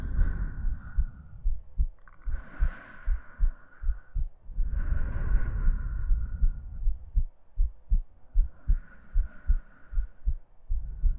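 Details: Adult woman's normal heartbeat for ASMR sleep aid: steady, regular low thumps at about 78 a minute with slow, soft breaths over them.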